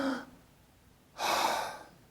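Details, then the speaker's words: Imitated bronchial breath sounds, as heard over the manubrium or over pneumonia or heart failure: a short breath in, a clear gap, then a louder, higher-pitched, harsher breath out lasting all of expiration. "we hear all of expiration and we hear a higher pitched louder sound but there is a gap between inspiration and expiration that we don't have normally so it sounds like this"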